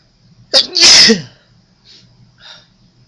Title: Second Attempt (A few more sneezes for you)